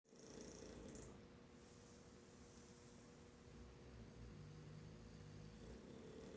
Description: My bulldogs Will and Junior played hard in the field this morning and made some big noise during their morning nap.